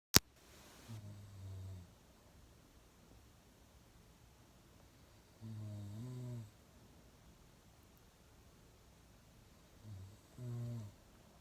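Three low, buzzing, vibrating snores, each about a second long, recur roughly every four to five seconds over quiet room noise: typical snoring.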